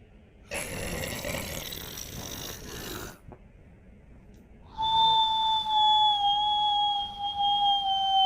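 A rough noisy breath followed by a steady high whistle on the next breath, a whistling snore.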